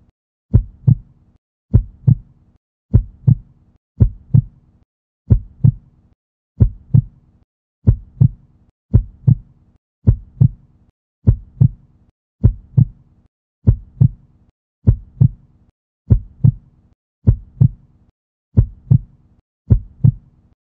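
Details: Stock heartbeat sound effect paired with a 3D heart animation: steady, paired lub-dub thumps at about 50 beats a minute, not a real recording.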